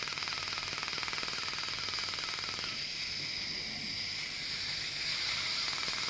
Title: Preparation of 4 cavities and old filling removal using Er:YAG laser